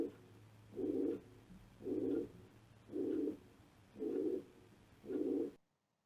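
Regular harsh whooshing bursts, each filling the whole beat so the two heart sounds blur: a pansystolic murmur.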